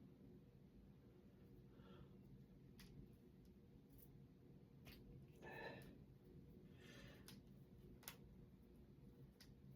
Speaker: And I'm going to crack my fingers. And I just woke up, too, so these knuckles are a little bit not hard to crack, but stiff.